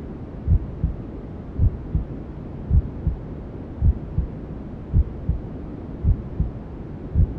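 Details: Newborn sleep-aid womb sounds: soft, muffled double heartbeat thumps at about 54 a minute under steady rushing white noise, a mother's heartbeat and belly sounds as heard from inside the womb.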